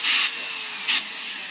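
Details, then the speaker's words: Chairside dental assisting demonstration, rubber dam, slow-speed handpiece on mandibular tooth 26: two short hissing air bursts over steady background hiss, cooling and blowing debris away to reduce rinsing. "every once in a while we're just doing a little spurt of air that does two things it pulls the tooth off and it blows the debris out so we don't have to rinse as often"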